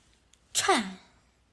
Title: 생긴대로 재채기하기ㅋㅋㅋ